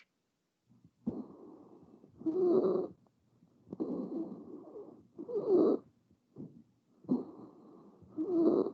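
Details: Stridor, from a Fall 2020 auscultation teaching workshop.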